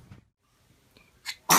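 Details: Baby sneezing: brief quiet, a soft intake, then a sudden sharp burst of air; a single small sneeze.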